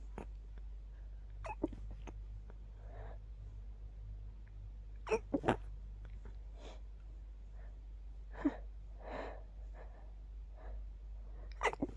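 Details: Adult with an itchy sneeze attack at night, suppressing sneezes to stay quiet beside a partner: several brief, muffled sneezes in quick succession over a quiet room hum; stifled sneezing.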